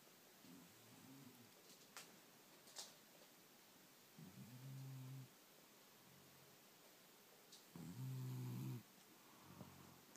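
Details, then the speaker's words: An adult man, tired after a day of hard work, snoring despite wearing nasal strips; low rumbling snores with each breath in, about four over ten seconds, over a quiet hiss with a few faint clicks. "dear president of the company that sold a shaher strips to stop her snoring you know we really really believed in you but I can't support your product"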